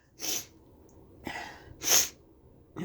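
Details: Induced sneezes at the end of a cold: three sharp, hissy bursts of forceful air through nose and mouth, a fourth starting at the end.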